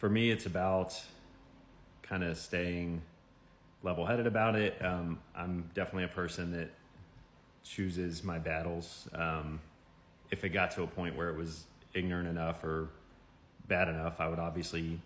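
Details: Adult man speaking; normal speech.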